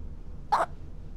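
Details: Female with the hiccups: a single short, abrupt hiccup against low room noise.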